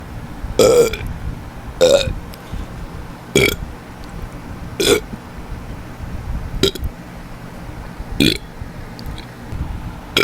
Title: Should I post more burping? :3